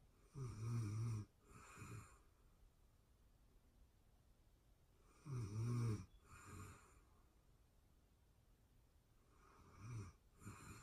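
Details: Real-time recording of a person asleep: quiet, low snores about 13 a minute, each a rough in-breath followed by a softer puff out; steady sleep snoring.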